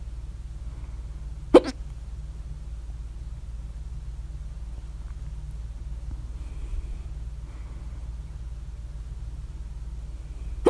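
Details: Person's loud hiccups at 3:04 a.m. after overeating at dinner, mouth alternately closed and open (loudest with mouth open): two sharp hiccups about nine seconds apart over a low room hum.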